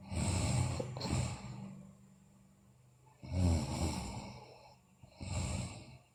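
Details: Sleeping girl snoring: low rattling snores on two or three breaths, each followed by quieter airflow; the recording is also described as including bruxism and delirious sleep talk.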